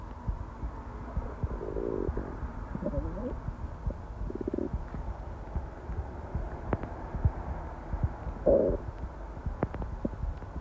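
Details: Several short gurgling, bubbling rumbles over low background noise with scattered clicks, recorded while at work: constant stomach growling (borborygmi).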